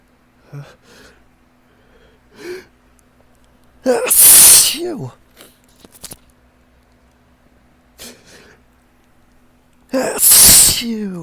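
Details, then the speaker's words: Two loud, explosive, wet sneezes with short inhalations and quiet breaths between, after a ticklish build-up, attributed to ragweed pollen and wind exposure; a run of allergic sneezing. "It's just like a domino effect in my nose. I just one sneeze just kind of leads to the next."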